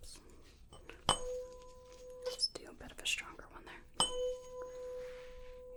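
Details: Tuning fork tone in a Rinne hearing test during a simulated ASMR physical-exam roleplay. The fork is held near the ear, then brought in front of it, and the listener reports when the sound stops.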